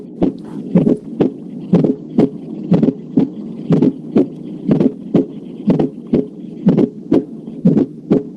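Regular heartbeat about 60 a minute, each beat with an extra low sound just before the first heart sound, a fourth heart sound gallop.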